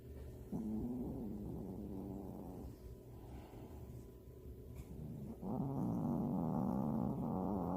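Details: Sleeping cat in deep sleep: low, rumbling, snore-like breathing swelling louder in the second half; ordinary snoring.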